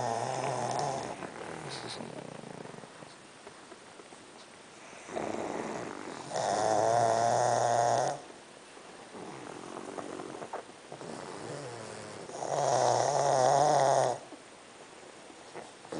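Several sleeping dogs snoring in overlapping rumbling, snorting breaths, roughly 10 a minute, with softer breathing between.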